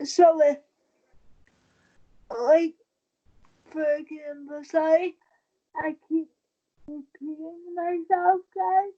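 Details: Dysarthria in a 23-year-old woman with cerebral palsy since birth after premature birth at 27 weeks. She has a more advanced form affecting the brain centre that controls balance and uses a wheelchair. She believes her prematurity affects the stability of her speaking.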